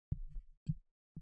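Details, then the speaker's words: Heartbeat recorded by microphone through the shirt: three deep, muffled regular thumps about half a second apart, near 110 a minute. "There's the heartbeat. Oh my gosh. Oh my goodness. I was wondering like if it was audible through the shirt."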